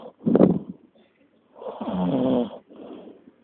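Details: A sleeping rhino's deep, rumbling, snort-like snores in short bursts with brief gaps; snoring.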